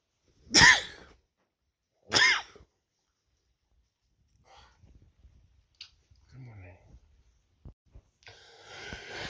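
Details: Two loud, explosive sneezes about a second and a half apart, followed by quieter sniffs and room noise; sneezing in a person whose nose reacts to smells and sunshine.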